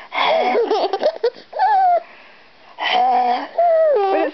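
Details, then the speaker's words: Infant boy with a cold and a bit of a wheeze: high, whistling breath sounds mixed with giggles, partly an adult imitating his breathing. "okay so is sick he's got a bit of a wheeze"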